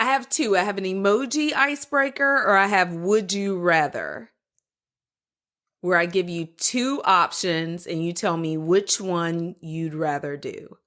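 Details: Adult woman speaking; typical speech.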